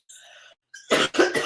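A brief breath in, then a harsh double cough from an adult woman.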